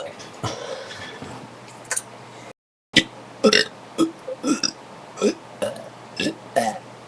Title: big burps with soda